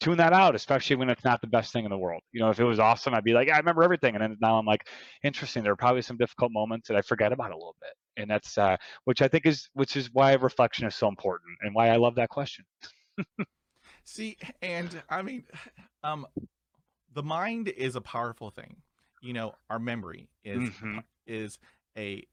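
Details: Adult male who stutters, with audible sound repetitions; he reports his stuttering involves blocks and repetitions, with eye closing and arm movements during blocks; stuttering.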